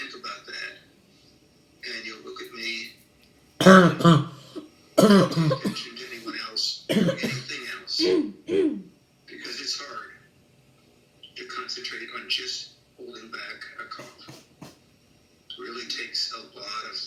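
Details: Several loud, dry, barking cough bursts in a cluster, with quieter throat-clearing and soft voiced sounds between them: a chronic non-productive habit cough in a child, recorded around Weinberger cessation therapy.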